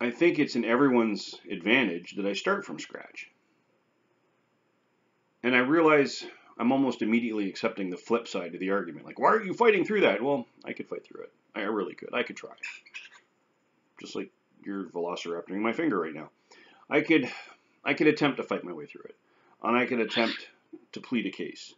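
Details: Adult man almost a year after a stroke, with aphasia and anomia plus some verbal apraxia; he cannot find words or say things quickly and sounds like he stutters, with severity varying by day; post-stroke aphasia with anomia and apraxia of speech.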